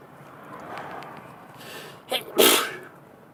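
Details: Person in a sneezing fit while driving: road and car noise, then a brief catch of breath and one sharp sneeze.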